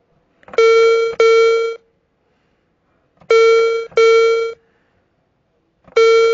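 Pairs of clear, bell-like electronic tones repeating every few seconds; a hearing aid's low battery warning, here from a sound-effect recording.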